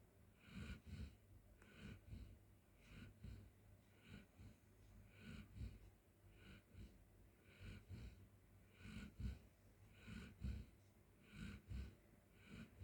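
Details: Golden Retriever sleeping on the floor in a quiet room, with soft, repeated snorting snores on each breath during sleep.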